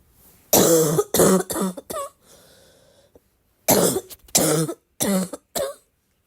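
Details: An adult gives two bursts of repeated coughs, about nine harsh coughs in all, with a brief pause between.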